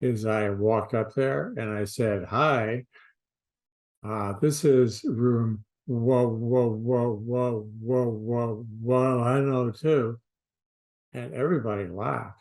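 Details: Stuttering with sound repetitions, adult man re-enacting his childhood elementary-school stutter; he says he later overcame it through an intensive prolonged-speech therapy program.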